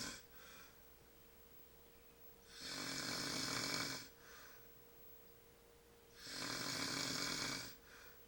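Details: Sleeping shirtless man, sleep apnea tagged: loud, rough snores on each breath in, about 15 a minute, quieter breaths out, steady faint room hum; snoring.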